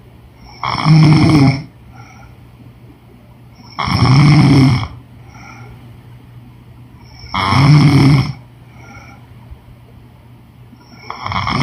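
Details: Woman snoring in sleep: loud, rattling snores on each in-breath, about 18 a minute, with quiet breathing between them.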